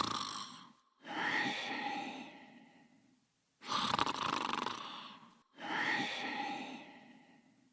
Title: Cooler Sleeping and Snoring in his Bed in 37 seconds